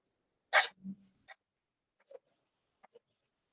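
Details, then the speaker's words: Dog with canine infectious respiratory complex (kennel cough), an upper-airway laryngeal and tracheal cough: one loud, harsh, dry honking cough, followed by attempts to expectorate secretions: dry honking cough. "Es una tos muy llamativa y es una tos seca, ¿de acuerdo? Y después de la tos tratan de expectorar esas secreciones, ¿ok?"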